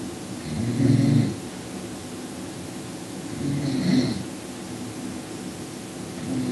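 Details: Low, rumbling snores repeating about 20 times a minute over a steady background hum; snoring during sleep.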